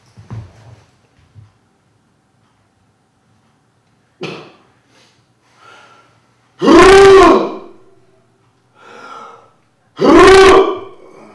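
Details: Person with Tourette syndrome in hospital for implantation of a deep brain stimulator; vocal tics (Tourette syndrome).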